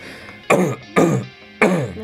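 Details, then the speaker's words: Three short, forceful coughs with throat clearing from an adult woman who says she is ill with a sore throat, over quiet background music. "Я болею, поэтому слушайте мой кашель."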